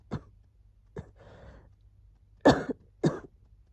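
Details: A few short, soft coughs and a huffing breath in a quiet room, recorded during a cold as wheezing was settling.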